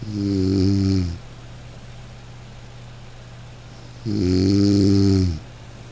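Two long, loud, buzzing snores with a steady hum between them: a regular snoring pattern, roughly one snore every four seconds.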